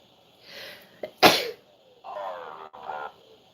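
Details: Sneeze: a breathy inward breath, one sharp explosive sneeze, then a brief voiced groan or exclamation.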